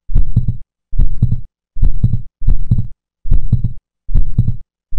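Simulated heartbeat at about 71 per minute with an extra low soft sound just after the second sound.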